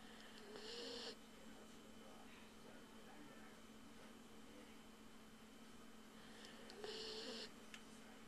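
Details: Puppy asleep after a long day of playing: two brief, raspy breath noises about six seconds apart, each with a faint whistling squeak, over quiet room hiss; snoring.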